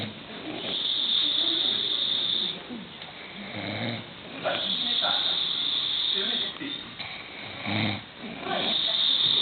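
Loud, rough rattling snores recurring about 15 times a minute, with quieter breaths between: an adult snoring.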